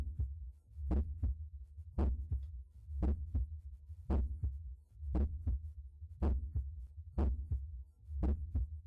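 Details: Normal heart sounds auscultated at the aortic valve area.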